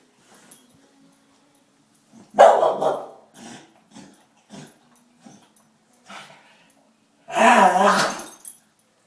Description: Dog caughing